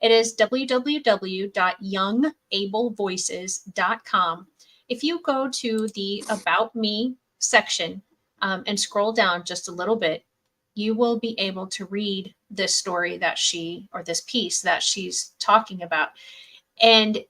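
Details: Adult woman; ordinary speech.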